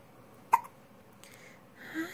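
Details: Single brief, sharp hiccup-like catch in a quiet room, followed by faint rustling, from Fin, a cat: hiccups.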